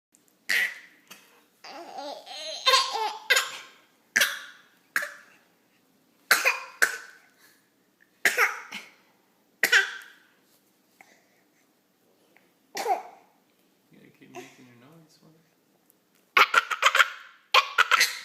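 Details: An 8-month-old infant gives short deliberate coughs mixed with giggles and babbling: a playful voluntary fake cough, not illness.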